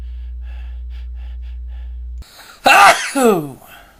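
After a steady low hum, a sharp indrawn breath leads into one loud sneeze with a voiced tail. A single sneeze.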